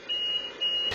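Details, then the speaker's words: Repeated high-pitched electronic beeps, two per second, of a ventilator disconnection alarm in a nursing home room, captured on hidden camera; the female resident has been off the ventilator for two minutes while the alarm keeps blaring. "when she returns the alarm is still blaring Phyllis has now been off the vent for two minutes"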